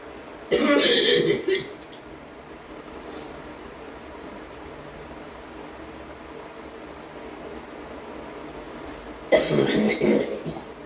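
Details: Female, hard coughing: two short bouts of forceful, harsh coughs separated by several seconds of quiet room noise.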